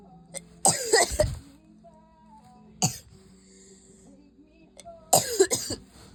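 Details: Coughing fit: repeated harsh, forceful coughs in three clusters, sounding painful and strained.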